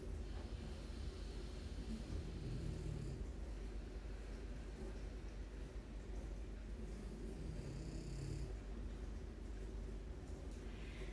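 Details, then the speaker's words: A relaxed French bulldog snoring in the background of a yoga class. "Of course, as always, Banksy is snoring. Banksy, my Frenchie, is usually snoring in the background, so if you can hear him, he's very relaxed."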